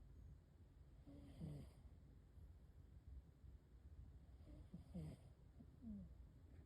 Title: Cat snore